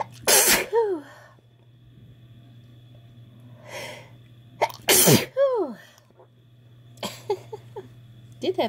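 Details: Deliberately induced sneezing fit after sniffing chhinkni powder, in the evening: two forceful sneezes, each with a sharp gasp before and a voiced cry after, then short sniffs and catches of breath.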